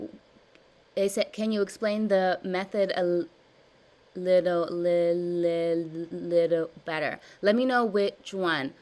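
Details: Adult woman with stuttering since childhood, with severe blocks, in a live stuttering therapy session practicing voluntary stuttering and cancellations; word repetitions and revisions; stuttering.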